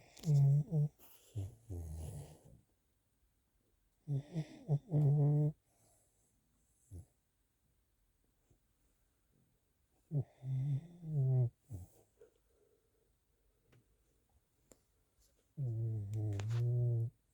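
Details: Soft, low, rumbling snores with pitched vibration in bursts separated by quiet pauses from a sleeping Pomeranian; ordinary snoring.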